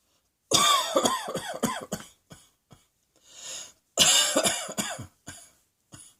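Two bouts of repeated coughing, each a quick series of harsh bursts trailing off, with a breath drawn between bouts.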